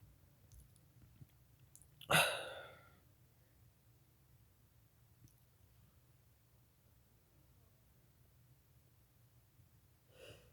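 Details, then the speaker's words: Person trying to make themselves sneeze: a single sharp, explosive sneeze in a quiet room, followed by silence and a faint breath. "Three. Four. It's pretty swell. And hey, Ed's World, this is for you. Ed's World is for you. It's pretty swell. Four sneezes for Ed's World."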